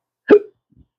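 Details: Man with chronic, long-standing hiccups that have not stopped, which he says cost him two careers; a single sharp, abrupt hiccup with a brief voiced catch.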